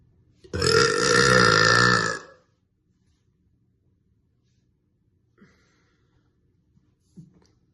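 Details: Woman burping: one long, loud voiced belch lasting nearly two seconds, then quiet.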